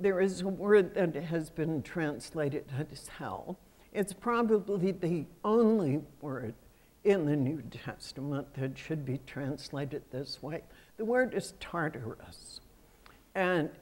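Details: Adult female with self-reported spasmodic dysphonia, a voice condition that comes and goes; spasmodic dysphonia.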